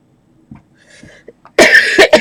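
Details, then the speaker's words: Adult coughing fit: quiet scraping sounds, then loud harsh cough bursts. "sorry I've been other on microphone sorry I just having a coughing fit i'm back in a minute"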